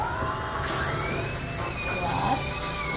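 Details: Dental handpiece on a 4-year-old boy during a pediatric visit for oral prophylaxis, composite filling of a decayed tooth and fluoride varnish: high-pitched whining drill holding a steady shrill tone over room noise.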